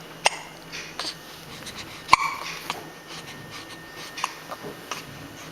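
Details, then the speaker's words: Infant with hiccups: sharp, brief hiccup sounds coming irregularly, about three in five seconds, over quiet room noise. "Hi, cutie pie. You got the hiccups? Hi, sweetheart."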